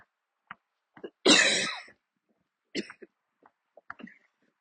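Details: One forceful harsh cough with smaller throat sounds and breaths, part of a coughing attack while walking outdoors near the end of a walk.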